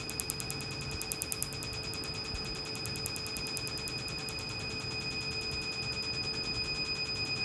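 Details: Tattoo removal laser firing during a 30-second session, patient saying it is not too bad: rapid, regular snapping clicks in quick pulses over a steady high tone.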